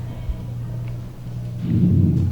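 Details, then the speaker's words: Teaching audio recording of normal vesicular lung sounds: soft, low rustling breath sound with a gentle rise in the second half. "Lung sounds is vesicular or normal, bronchial, amphoric, wheezes, stridor, crepitations, pleural rub, bronchophony."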